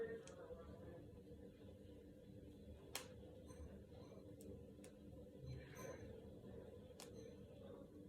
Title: Cracking my knuckles and fingers.